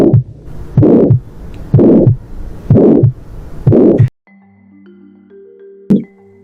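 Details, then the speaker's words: Regular heartbeat near 60 a minute with a whooshing noise filling each beat: a heart murmur. "Así se escucha un soplo cardíaco."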